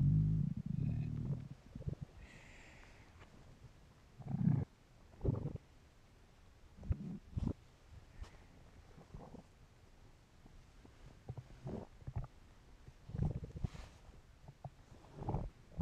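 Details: Hungry stomach noises from a male: irregular low gurgling and rumbling bursts from the abdomen; normal hunger borborygmi.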